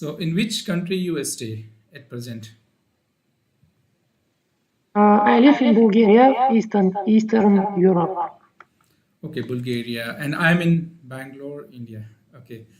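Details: Adult speakers in conversation; normal voice.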